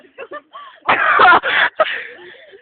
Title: me coughing